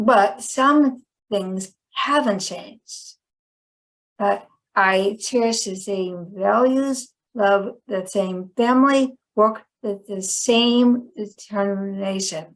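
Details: Chronic post-stroke aphasia in a woman; a 2010 stroke initially left her unable to speak and she relearned speech.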